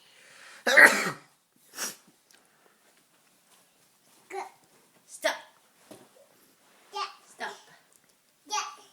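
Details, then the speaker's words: An adult man (the father) sneezing during a stomping game at home: one loud sneeze-like burst, then a smaller one, followed by a young child's short babbled words; sneeze. "Oh, Daddy keeps on sneezing."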